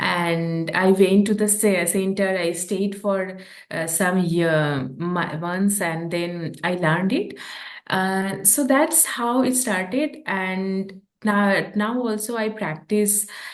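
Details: Adult woman who stammers, a real speaker who practices yoga and deep breathing, speaking English while translating a poem; stammering.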